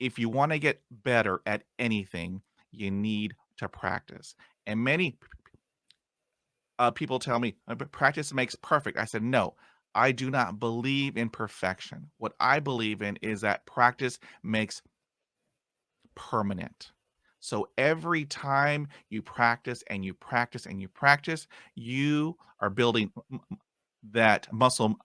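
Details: Man who identifies as a person who stutters; stuttering.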